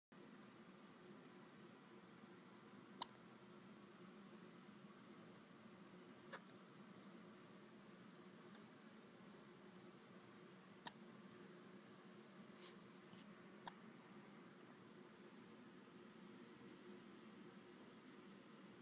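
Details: Faint, sharp, brief catches recurring every few seconds, about four in under twenty seconds, against quiet room noise: hiccups.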